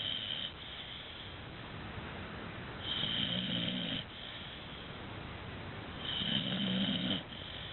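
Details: Dogue de Bordeaux puppy snoring: rough, rattling snores on the breath in, with quieter breaths out between them, about eight breaths a minute, over steady room hiss.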